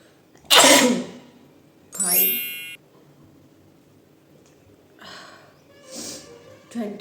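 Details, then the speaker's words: Woman doing a sneezing challenge, provoking sneezes with chilli flakes and aiming for 20 sneezes: a loud, sharp sneeze, then a second, then fainter sneeze-like bursts; repeated sneezing. "And यह chilli flakes से मुझे 20 times sneeze लाना है पता नहीं कैसे हो पाएगा लेट्स ट्राई चिली फ्लेक्स से फर्स्ट टाइम तो स्नीज [संगीत] आया"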